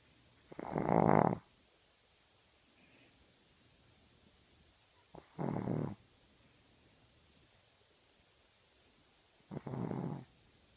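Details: A sleeping dog snoring: three short, snorting snores about every four to five seconds, in a quiet room.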